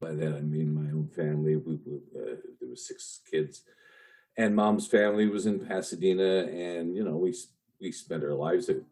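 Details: Adult man with a lifelong stutter, long hidden through his life and career, with audible repetitions; stuttering.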